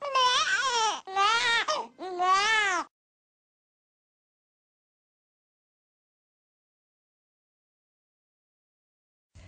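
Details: Three short infant cry bursts with a nasal "neh"-like onset, the hunger cry in Dunstan Baby Language.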